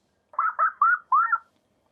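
Four short whistled bird-like chirps, thin and muffled with the high tones stripped away: a simulation of moderate hearing loss.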